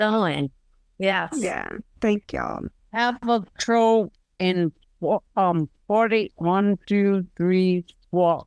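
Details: Stroke survivor with severely garbled speech containing little content; aphasia.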